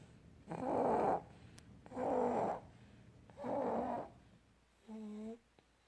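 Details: Sleeping baby boy, aged between 2 and 7 months, snores in rhythmic, rumbling bursts, three long and one shorter, tonal one; infant snoring.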